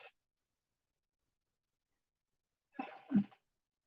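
A single sneeze from an adult woman: a quick intake, then a sharp explosive burst, in a quiet room.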